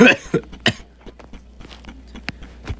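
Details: A few short, harsh, violent coughs, the loudest at the start, then quieter throaty bursts and breathing in a small room, from a person playing a video game; cough.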